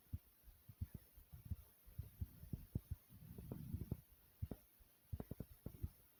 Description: In This Video I recorded my heartbeat over 3 minutes thumping pretty hard.